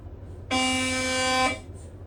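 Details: A loud, steady buzzing tone lasting about one second, then stopping: Siemens Magnetom MRI scanner gradient noise during imaging.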